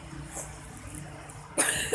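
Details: A child with a cold, coughing: a quiet stretch ends with one abrupt, harsh cough.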